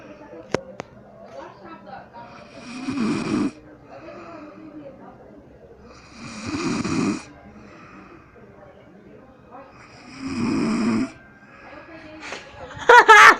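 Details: Man asleep on a sofa after drinking a lot of beer: three loud, rattling snores about every four seconds, around 16 a minute, with people talking quietly nearby; snoring.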